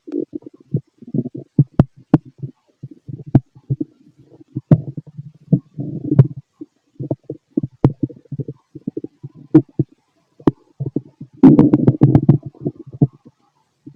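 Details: Stomach growling from a fit male heard through a stethoscope: irregular gurgles, rumbles and sharp clicks; active, normal bowel sounds.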